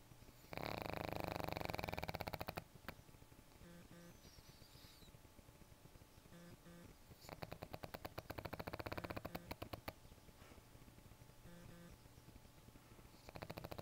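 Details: Sleeping blind pug, eyes open while asleep: loud, rattling snore bursts alternating with quieter stretches of noisy breathing; snoring.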